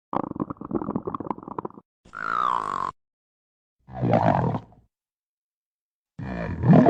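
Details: A female's stomach gives several loud, drawn-out groaning gurgles with gliding pitch, separated by silence; stomach growling (borborygmi).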